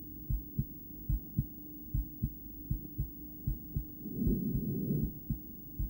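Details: Female heart heard through a stethoscope during breath-holding (breathplay), shown with an ultrasonic view: heartbeats in uneven pairs, a beat closely followed by another then a pause, with loud breathing; intermittent bigeminal rhythm.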